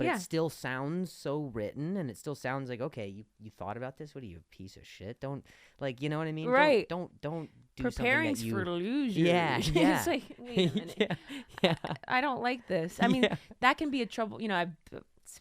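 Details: Stuttering in an adult male comedian and podcast host who stutters.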